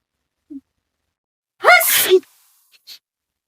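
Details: A woman sneezing without covering her mouth in a prank: a single loud, explosive sneeze with a sharp in-breath before it, in a quiet room.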